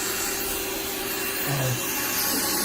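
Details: Loud steady whirring of a podiatry rotary grinder with a brief lower tone change, flattening thick, uneven calluses on the sole of a man's foot; nail samples are being taken for fungal testing.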